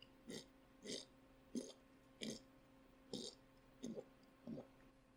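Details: Adult male; Vocal tic (throat noises) in Tourette syndrome.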